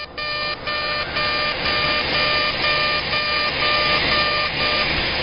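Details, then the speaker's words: CO2 laser resurfacing of thinner eyelid skin, a single pass at 80 millijoules and density six: steady loud whirring with a repeating beep about two a second. "foreign skin is thinner so we're going to do a single pass here of 80 and 6."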